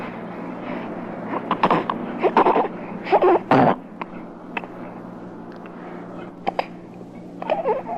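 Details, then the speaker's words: Young infant's hunger cry, quickly relieved, followed by equally loud feeding sounds; 1967 recording of baby sounds for expectant and new parents. "Hunger. Stark hunger. But notice how quickly that was cured, and how equally loud the sounds of satisfying that hunger were."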